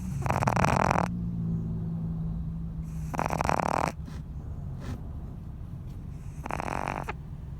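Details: Pet Boston terrier snoring: loud rattling snores on breathing in, about every three seconds, with quieter snorting sounds in between.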